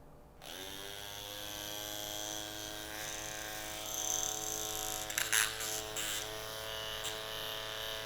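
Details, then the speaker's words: Steady high motor whine that rises in pitch with faint clicks: an electric microneedling pen fitted with a sterile 1 mm needle, switched on and run at different speeds as a test before use on the patient. "e ela tem diferentes velocidades como vocês podem ver né para desligar ela tem que ficar para ligar a gente tem que ficar segurando aqui o botãozinho tiramos a tampinha ela tá funcionando corretamente"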